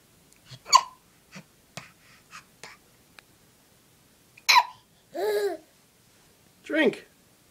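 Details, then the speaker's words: A young girl with hiccups: a few sudden, sharp catches of breath among her babbling and soft vocal sounds; hiccups. "You have hiccups?"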